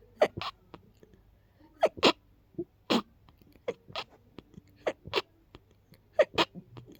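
A rapid series of sharp, stuffy sneezes in quick pairs, typical of a congested nose during a cold.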